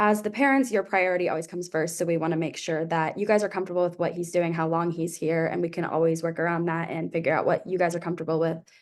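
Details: Adult woman speaking; normal adult speech.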